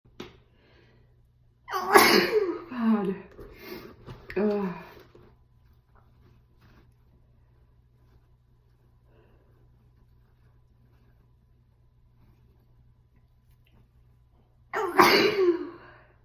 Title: Sneeze and a nose blow